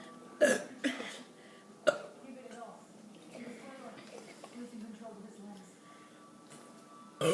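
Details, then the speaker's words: Burping after drinking Coca-Cola on purpose: three loud, throaty burps in quick succession, then quiet talk and a final burp, faint music behind. "okay so me and and this girl over here are going to drink some Coca-Cola Coke yeah and we're stop drinking it and we're and then we're going to see if we can burp we're going to keep burping"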